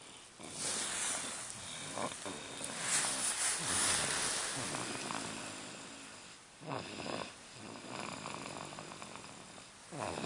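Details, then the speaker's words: A sleeping baby girl breathes with soft, noisy, rasping sounds that rise and fall with each breath: infant snoring. "This is unbelievable. Can't believe this. A baby is snoring? This is crazy. Oh my god. She's a freaking snorer."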